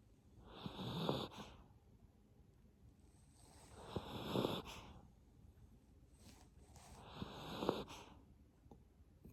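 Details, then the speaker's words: Miniature Pinscher dog (female) sleeping and snoring after her bath, tired: three slow, rattling snores in a quiet room, about 18 breaths a minute; ordinary snoring. "snoring. You got your bath tonight? You're all tired."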